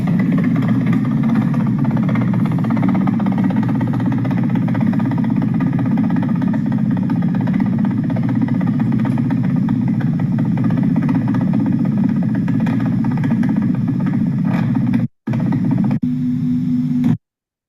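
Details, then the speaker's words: EMG audio from a patient with primary orthostatic tremor: the typical helicopter sound appearing on standing up from sitting, when the tremor appears; no tremor while sitting. "Then you make him stand now. The typical helicopter sound."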